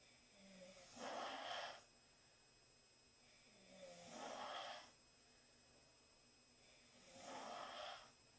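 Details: Four girls snoring: three harsh, fluttering in-breaths, each followed by a soft out-breath, about 19 breaths a minute, in a quiet room; snoring.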